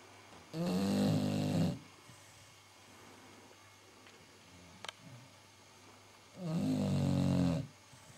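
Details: Sleeping Staffordshire bull terrier: two loud, rough, rattling breaths about six seconds apart, roughly 10 a minute, with quiet pauses between; snoring.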